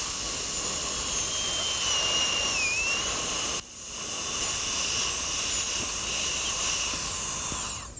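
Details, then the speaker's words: Three-unit anterior bridge preparation on the maxillary right cuspid and central incisor in a patient with congenitally missing lateral incisors: high-pitched whine of a high-speed drill with a number one bur making dimples through lingual enamel to seat the twist drill. "You can use either a half or number one carbide and the purpose of this is just to make a seat for the twist drill and we do… drill with the twist drill."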